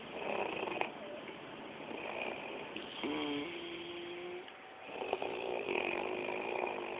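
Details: Overlapping rough, rattling snores with a brief whistling tone from two sleepers, over a noisy, muffled recording; snoring.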